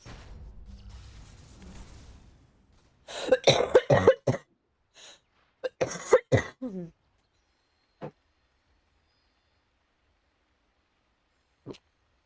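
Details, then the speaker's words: Smoker's cough: a young woman who smokes and has allergies coughs while gaming, with two bursts of deep, harsh, rattly coughing, about a dozen coughs in all, then a few single coughs in a quiet room; real and unscripted. "Чёртов кашель. Блин. Или вам слышно только мой чертов кашель?"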